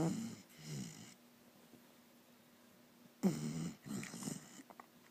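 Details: Dog snoring while sick: soft, low rattling snores with quiet breaths, two cycles separated by a pause.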